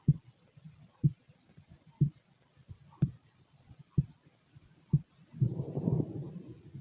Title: Empty stomach noises and heartbeat